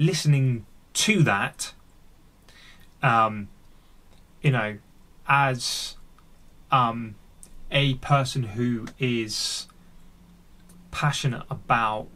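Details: Real, unedited speech of an adult man who stammers and is on a speech therapy journey; stuttering.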